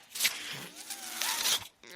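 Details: Speaker's own mechanical ventilator heard during a podcast recording: hissing, whooshing airflow bursts with a faint hum, cycling during a pause in speech; mechanical ventilator sound.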